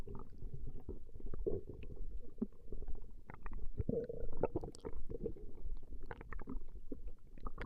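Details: Female's stomach growling recorded over a 20-minute session: continuous low rumbling and gurgling with bubbly pops, ordinary borborygmi.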